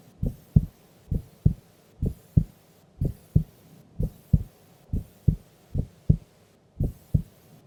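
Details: Female asleep during an afternoon nap: steady paired lub-dub heartbeats at about 70 beats a minute, regular rhythm; normal heart sounds.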